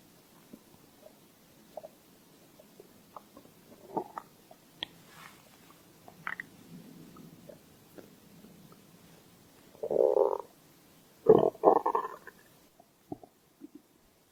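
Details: Stomach growl: quiet gurgles and squeaks, then louder rolling growls near the end.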